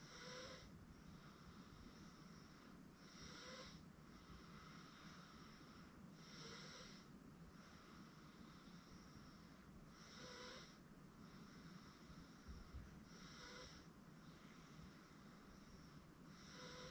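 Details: 8-month-old girl asleep on a futon: quiet snores every few seconds, about 20 breaths a minute, against a steady background hum; infant snoring.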